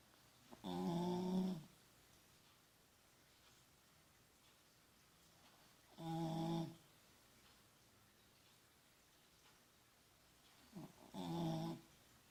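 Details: Three short, buzzing snores, about 12 a minute, in a quiet room from a sleeping beagle born in summer 2004 (about 12 years old when recorded in January 2017); ordinary snoring.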